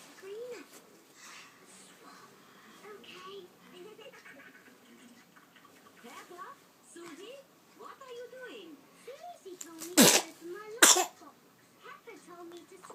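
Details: Infant sneezing then coughing, two sharp explosive bursts close together amid soft vocal sounds.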